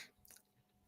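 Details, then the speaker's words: Adult live-streamer's self-described very bad, painful clicking jaw: a short, sharp click while chewing; temporomandibular joint click. "I just realized that um I should have muted myself because you probably hear my jaw clicking I have a very bad clicking jaw"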